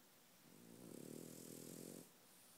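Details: French Bulldog snoring in sleep: a single rattling, fluttering snore lasting over a second, typical of a short-nosed dog's noisy breathing.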